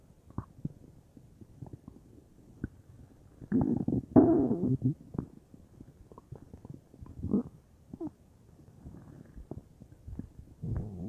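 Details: Belly felt bubbly all over (unsure if stomach or intestines); irregular gurgles, squelches and rumbling bubbling from the belly, ordinary bowel sounds (borborygmi).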